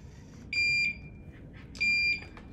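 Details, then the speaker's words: Infusion pump occlusion alarm during a home IV milrinone infusion setup demonstration, triggered when the tubing slide clamp was left closed after pressing run: two loud, high-pitched alarm tones over low room hum. "that's a common occurrence if you forget to open up your clamp."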